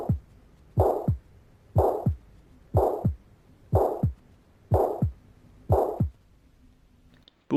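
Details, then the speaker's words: Six regular heartbeats at about 61 a minute. Each has a harsh, steady, rectangular murmur filling all of systole, loudest at the apex and described as a jet of steam: holosystolic murmur of mitral regurgitation. "bon pour le souffle systolique d'un cvisosméral elle est très important c'est-à-dire elle est maximale à la pointe et euh est de tèbre qui est euh rude et jette en vapeur on entend ce bruit de cette"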